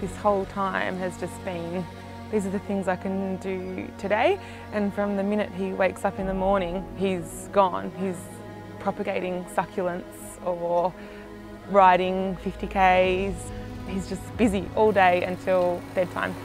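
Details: Adult woman speaking; normal speech.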